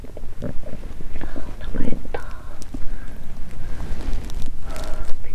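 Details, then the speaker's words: Adult woman fasting over 17 hours, period due that day with bloated abdomen, recorded close up: irregular low gurgles and rumbles with brief squeaky rising tones, hunger stomach growling (borborygmi). ""But I think the sound of hunger will growl more". On this day, I heard the cry of various animals."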